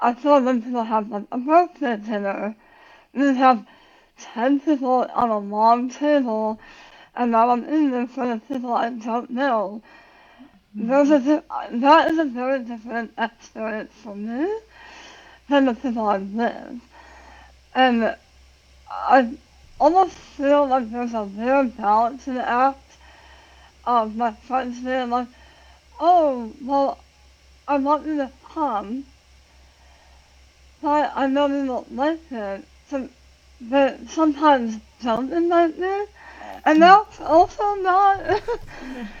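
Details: Adult woman about 9 years after tongue cancer surgery and radiation, who had to relearn how to talk; articulation difference after glossectomy.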